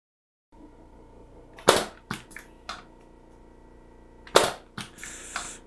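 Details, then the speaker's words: AIR JET II needle-free pneumatic injector firing rows of shots above the ear for facial lifting, about 40 shots so far of a usual 75–100 per side: sharp snapping pops at irregular intervals over a steady machine hum. "이렇게 쌌는데 한 40샷 쌌거든요. 그래서 지금 여기 샷 카운트가 나오죠."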